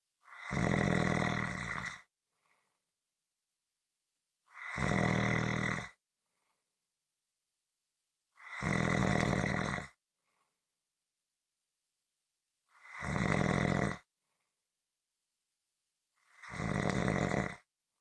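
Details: Loud, regular, rasping snores, one on each breath in, about 14 a minute, with silent pauses between: snoring.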